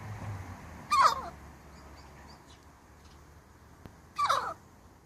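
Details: Hen having a sneezing fit, fine afterwards; sneezing.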